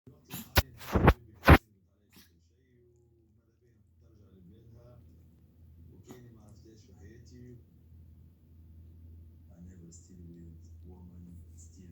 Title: Cough example 2